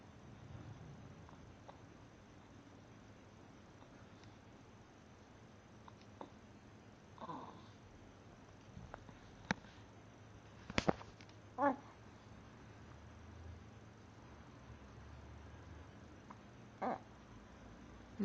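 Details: Infant's brief, soft hiccups recurring at irregular intervals in a quiet room; baby not fussy.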